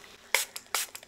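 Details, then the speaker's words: Two short hissing pump-spray bursts: a medicated, numbing and disinfecting spray applied to the ear for an ear infection, mainly in the left ear, in a simulated ASMR doctor roleplay. "okay going to spray this is like a medication yes this is going to clean your ear and then it's going to maybe disinfect a little bit"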